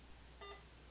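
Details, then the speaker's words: Single short electronic keypress beep over low room hum while setting the drop factor to 60 drops/ml on a veterinary IV infusion pump during a demo; infusion pump keypress beep. "a 60 drop ml, so I'm going to set it, hit this button and go up by 10s to 60 and hit enter."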